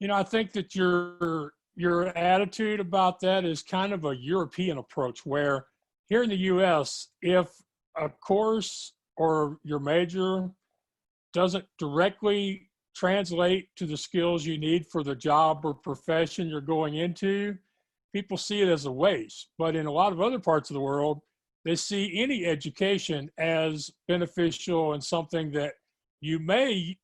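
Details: Adult speaker in conversation; ordinary speech.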